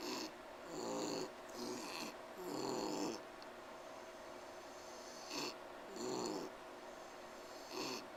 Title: Bogey wheezing trying to sleep 2